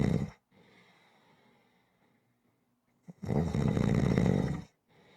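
A loud, rough, low rattling snore on the in-breath after a quiet pause, with faint breathing before it, in a small quiet room.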